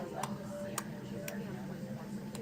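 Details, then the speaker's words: Infant with a high arched palate bottle feeding on a controlled-flow vented bottle with gentle support; sharp, regular clicks about twice a second as nipple seal is lost during sucking: clicking during bottle feeding. "you can hear that little clicking sound and that clicking sound is because she has a high arched palette"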